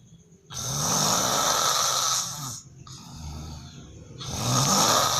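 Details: Genuine, unstaged snoring of a man, recorded by his wife: very loud, harsh, roaring snores on the in-breath with a rougher, quieter out-breath; heavy snoring.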